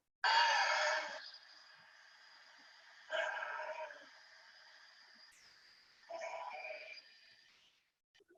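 Three harsh, husky cough bursts a few seconds apart over a faint steady whine, then a brief loud sound; coughing in a tiger with COVID-19.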